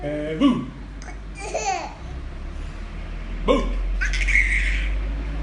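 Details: Infant boy giggling while he has hiccups: short, sharp catches in the breath between laughs, steady low background hum; hiccups.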